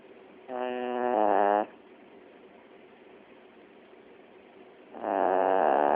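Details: Sleeping chiweenie (small dog) that fell asleep very tired: two high-pitched, whistling snores about four seconds apart over quiet room hiss; snoring.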